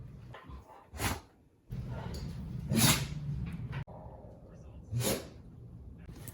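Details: A dog sneezing.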